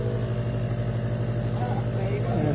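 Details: Vios compressor nebulizer running on a stable hard surface with vents open and hose attached: a steady low mechanical hum and buzz as it drives air to turn the medicine into mist.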